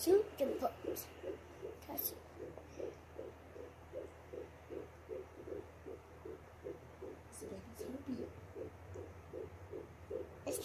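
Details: Fetal heartbeat at 15 weeks of pregnancy on a 3 MHz handheld Doppler, mother's attempt at home: rapid, regular whooshing pulses at about 150 beats a minute.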